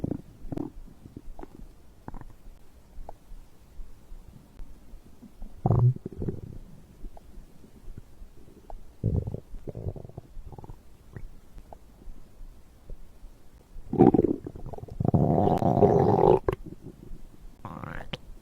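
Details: Bowel sounds recorded after drinking a beverage: soft irregular gurgles and a longer loud growl near the end, normal digestive stomach growling.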